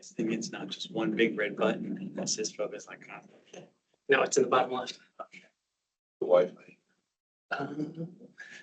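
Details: Adult speech; normal voice.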